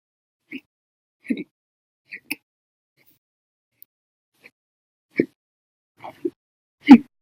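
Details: Short abrupt throat catches about every second, some faint and some loud: repeated violent hiccups from an episode lasting over 14 hours after meals and a cup of soda.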